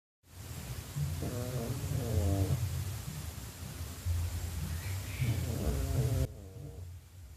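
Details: Sleeping cat snoring: soft, rumbling snores over steady low background noise; ordinary sleep snoring.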